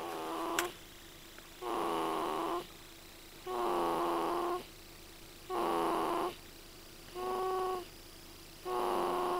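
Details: Sleeping individual snoring loudly: steady, rhythmic snoring breaths at about 7 per minute, each a long buzzing tone with quiet gaps between.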